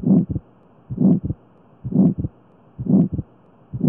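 Regular heartbeat near 64 a minute with a harsh systolic murmur between the first and second sounds.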